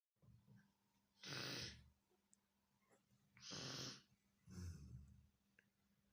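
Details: Child playfully imitating grandfather's snoring: three loud, rough, noisy breaths in about six seconds; imitated snoring.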